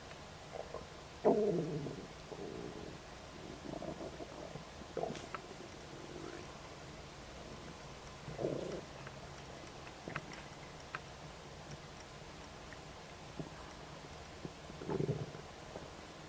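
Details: Adult stomach rumbling just after a snack of ribs: low gurgling and rumbling bowel sounds recurring in bursts, normal digestive borborygmi.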